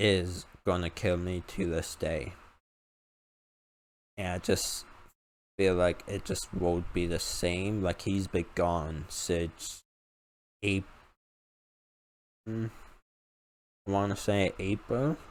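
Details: Male with a self-reported uncontrollable speech impediment, improved after about 10 years of speech therapy; formerly used an iPad talking device, not used for almost three years; speech impediment.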